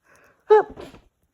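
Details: Person with a summer cold, getting congested, in a sneezing fit; a soft intake then one short, partly stifled sneeze; sneeze.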